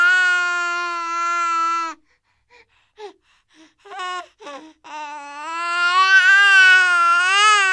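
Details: Royalty-free sound effect of a baby crying: a sustained, high-pitched wail, then brief whimpers and catches of breath, then a second long wail.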